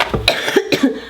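An adult woman gives a brief burst of two or three short, loose coughs in a small room. Finding: cough.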